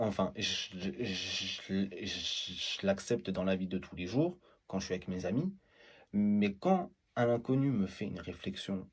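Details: Adult male who stutters; stuttering.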